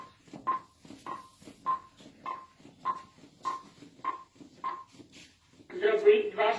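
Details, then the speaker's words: Saver One automated external defibrillator in a CPR training demonstration, prompting 30 compressions to 2 breaths: a steady metronome beeping at about 110 a minute paces chest compressions, then a spoken device prompt; AED metronome and voice prompt. "Ну і він так само в нас є метроном, який дає нам частоту, з якої саме нам натискати."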